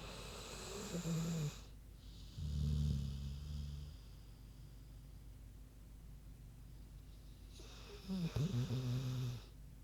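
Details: Sleeping pig snoring: deep, rumbling snores, two long noisy breaths with quiet stretches between.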